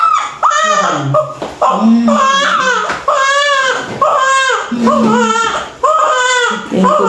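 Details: Newborn just after normal vaginal delivery, cord coil noted, initially limp and bluish; loud, strong, repeated crying in bursts separated by quick breaths, a vigorous cry.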